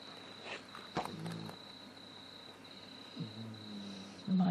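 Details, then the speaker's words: Two dogs snoring in the background: low, rumbling snorts recur over a steady high-pitched hum and quiet room noise; dog snoring. "dogs keep snoring in the background if you can hear it if you hear that noise that's what it is two dogs snoring"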